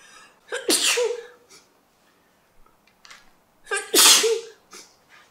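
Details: Two adult sneezes a few seconds apart, each a quick voiced intake leading into a sharp, hissing burst, with soft breaths between.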